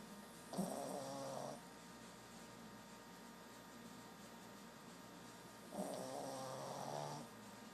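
Two long, rattling snores about five seconds apart over steady room hum; snoring in a sleeping small dog.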